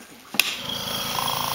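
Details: Quiet nebulizer compressor, about 8 L/min flow, for a boy with cystic fibrosis starting his mask treatment: a click, then steady soft motor hum with faint rapid buzz.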